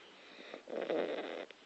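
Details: A sleeping Staffordshire Bull Terrier puppy gives one short, soft, snuffly snore through the nose. Snoring.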